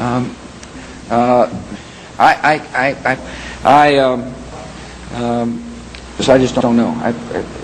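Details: Stuttering: sample of impaired (stuttered) speech with repeated words.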